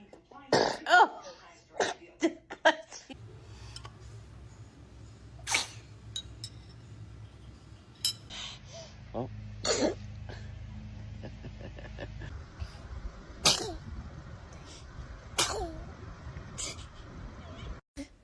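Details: Several small, sharp infant sneezes with quiet room noise between them.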